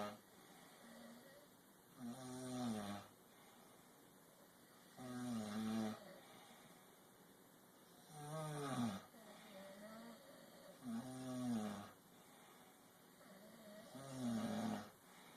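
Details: Regular rough, fluttering snores on each breath, about 5 in 15 seconds (roughly 20 breaths a minute), against faint room hum; snoring.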